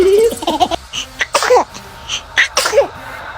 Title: Interesting sneezing##fouryou #funny #baby #cute #family